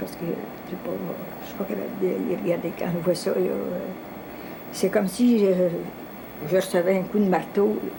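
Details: Adult woman speaking French; ordinary speech.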